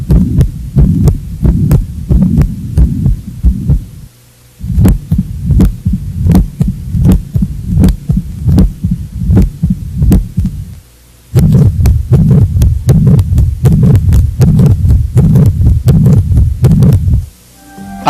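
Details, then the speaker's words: Heart murmur from a valvular lesion in a cardiac auscultation teaching recording: regular heartbeats around 79 a minute with a low rumbling noise filling the gaps between beats. "vamos ouvir agora os sons correspondentes as principais lesões das válvulas cardíacas"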